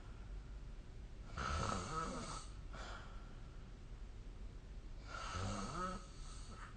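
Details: Snoring during sleep, recorded with the SnoreLab phone app: low, rattling snores on each breath in, with quieter breathing between, over steady room hiss.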